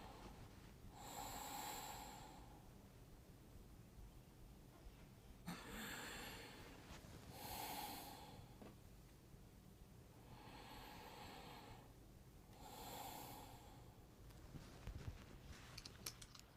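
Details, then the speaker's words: Simulator mannequin in a breath-sound assessment demonstration: soft, even airy breaths with no crackles or wheeze; normal breath sounds. "as you listen i'll have you listen first to what normal breaststones would sound like"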